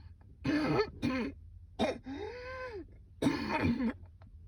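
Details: A woman coughing on a rooftop in a coughing fit so persistent she couldn't go back to work: several deep, rough coughs with a drawn-out groaning breath between bursts.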